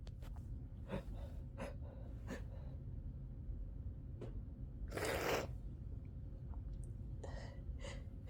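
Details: Loud uncontrolled repeated sneezing: several sharp breath catches, then a forceful sneeze burst and a smaller one after, over steady room hum.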